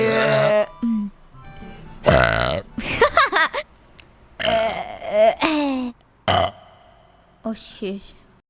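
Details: A VTuber streamer's compilation of several loud, drawn-out voiced belches with low throaty rumbling, separated by pauses, over faint music; the streamer mentions feeling stuffed full. Burping.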